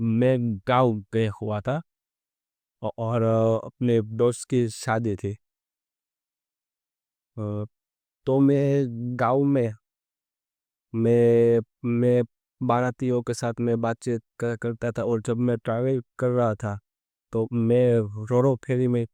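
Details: Adult man who stammers, speaking Hindi, doing daily stammering practice for about a month and reporting limited control despite it; stuttering.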